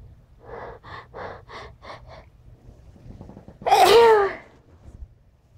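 A run of short sniffing inhalations, then one loud explosive sneeze; a single sneeze after quick sniffles.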